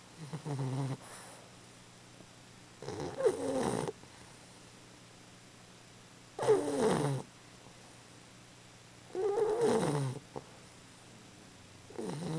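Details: Baby snoring during sleep: soft, rattling snores about every three seconds, with quiet pauses between breaths.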